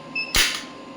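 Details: Horizontal clinical electromagnetic shockwave therapy applicator applied to the elbow joint at 1 Hz: a single sharp click-snap over a faint fan hum.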